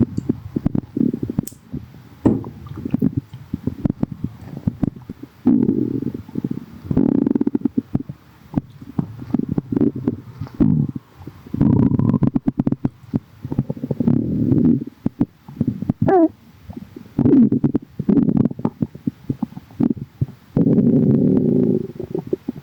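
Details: Adult's stomach straight after drinking: frequent low gurgles and rumbles, ordinary bowel sounds; borborygmi.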